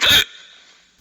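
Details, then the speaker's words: A single short, sharp hiccup burst from a person with hiccups, then quiet with faint room noise: hiccup. "hi everyone what sound is this can you guess yes it's nothing but hiccups"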